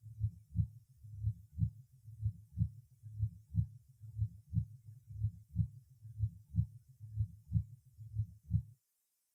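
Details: Patient with mitral valve disease and pulmonary circulation congestion, recorded over the aortic area: steady paired heart sounds at about 62 a minute.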